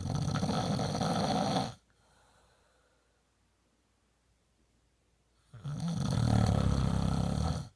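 Two loud, low, rattling snores separated by a quiet pause of about four seconds; ordinary snoring.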